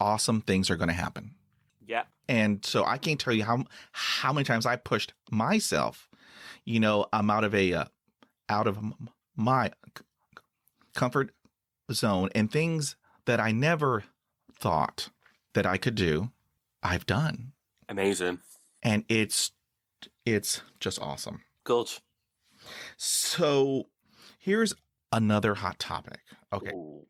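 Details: Stuttering in a 49-year-old man, an adult who stutters and reports severe blocks in which his eyes close and his breathing stops.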